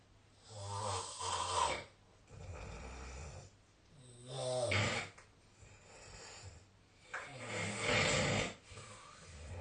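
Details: Ordinary snoring during sleep in a quiet room: three loud, rattling inhaled snores with quieter, breathy exhales between them, about 19 breaths a minute.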